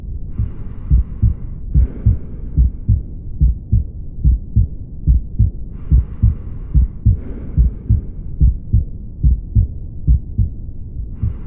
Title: Aortic stenosis.. auscultation@DoctorNajeeb @MrBeast Video